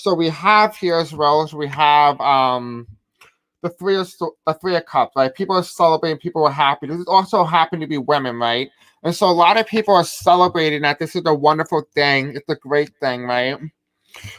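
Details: Deaf speech from a man who says he has a deaf accent and may have difficulty pronouncing certain words.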